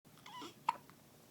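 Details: Baby boy's first hiccups: a single abrupt, short catch in the breath with a faint squeak after soft vocal sounds; infant hiccup.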